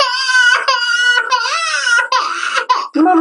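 A young child's high-pitched, sustained wailing cry comes in several long bursts with quick breaths between: ordinary crying after waking.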